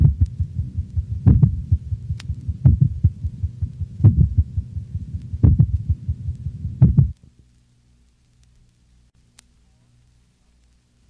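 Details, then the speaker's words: Dog, likely standing, auscultated over the mitral valve area: two independent rhythms, louder but slower ventricular contractions with faster, lower-frequency atrial sounds between them; complete (third-degree) heart block. "two independent rhythms occur a louder but slower ventricular rate predominates while a faster but lower frequency atrial rhythm is heard over the mitral valve area listen carefully for the lower freaky atrial sounds occurring between the louder but slower ventricular contractions of complete heart block"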